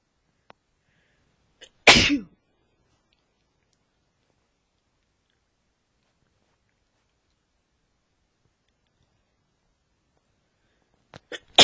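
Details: A man's allergies flaring: a short intake of breath, then a single loud, sharp sneeze and quiet, with a brief burst at the end. Allergic sneezing.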